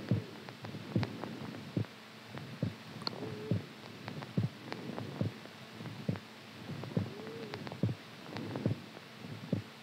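Soft, steady low thumps at roughly 70 beats a minute against a quiet hum, heard as a normal resting heartbeat.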